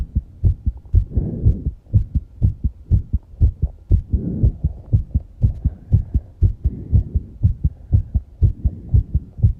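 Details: Fast heartbeat after exercise with heavy breathing: strong, regular low thumps at about 120 beats a minute, breathing noise in between.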